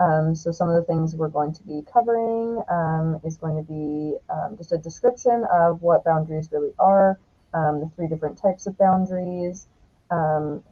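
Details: Adult woman speaking; Normal speech.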